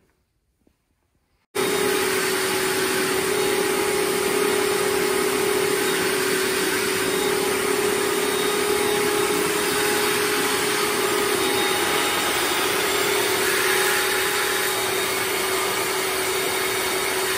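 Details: Prototype improvised emergency ventilator built from plumbing fittings, a water-filled U-tube and check valves, driven by a shop-vac in blowing mode; a steady loud blower roar with a constant whine, and the ventilator cycling is hard to hear beneath it.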